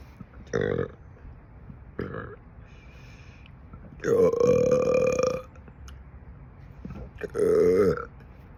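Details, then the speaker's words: Adult over 50 (per tags) who says they are gassy all the time belches repeatedly: four loud, voiced burps, one long and drawn out. "hear that one from my throat? I'm so gassy all the time."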